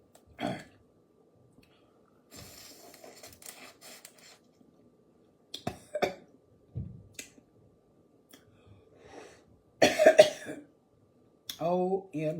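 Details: Scattered coughs and throat clearing with sniffling between them in a quiet room while eating spicy seasoned crawfish, with a running nose; cough from irritation by spicy food.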